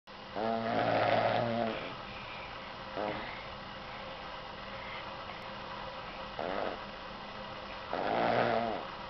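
Loud rasping snores on the in-breath, with shorter snorting sounds between them and a steady background hum; snoring.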